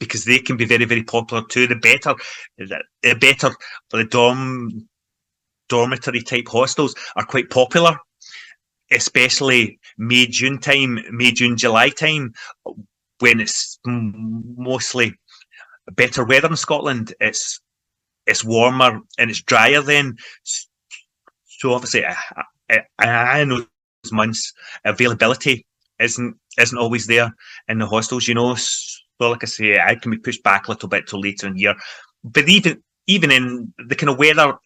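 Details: Adult man involved in stammering self-help groups for over 25 years, in everyday conversational speech; stuttering (stammering).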